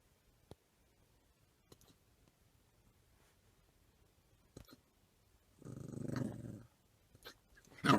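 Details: Puppy in a car with hiccups: soft, sharp hiccup clicks at irregular intervals, then a short bark and brief yelp as he tries to bark them away.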